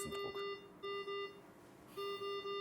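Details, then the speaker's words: Repeated alarm tone bursts from an ICU ventilator during a lung recruitment maneuver raising PEEP from 19 toward 29 cmH2O; the peak pressure alarm was triggered because the stored limit setting was inappropriate. "the reason for this is that the stored alarm value for our peak pressure was somewhat too high"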